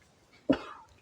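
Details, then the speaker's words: A horse coughing, recorded 25 July: a single deep, forceful cough burst in a quiet setting; the owner wonders if it is a cold. "Слушай, может простуда какая-нибудь? Ну, ковид. Лошадиный ковид, да?"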